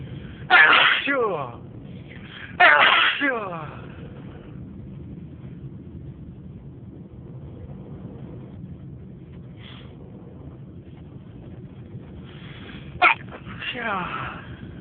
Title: A variety of induced loud and stifled sneezes